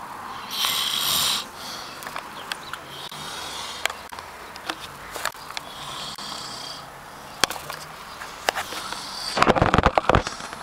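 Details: Hissing, airy snoring breaths with scattered clicks and rustles in a noisy room, from someone napping while waiting on a spring day; snoring.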